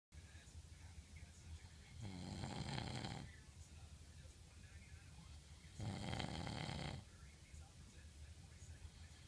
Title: Proof snores